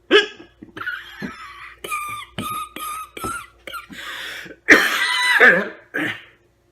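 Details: A man's hiccups during a two-minute bout: repeated short, abrupt voiced catches, unevenly spaced, in a small room.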